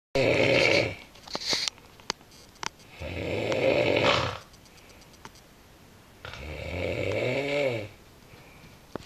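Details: Sister asleep: three rough, rattling snores a few seconds apart with a few sharp clicks between; ordinary snoring.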